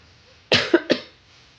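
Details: Three quick, harsh cough bursts in a row, then quiet, from a woman live-stream host who is sick and taking flu medicine, antibiotics and vitamins prescribed through telemedicine.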